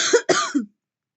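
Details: Two quick harsh cough bursts with a short voiced tail from a woman coughing after taking deep puffs of vapor during repeated vaping coughing fits.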